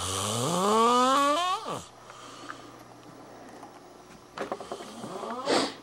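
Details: College student asleep: a long, rising, whistling snore, then after a quiet pause a snort-like sound and a short hissing breath; loud, irregular snoring: snoring.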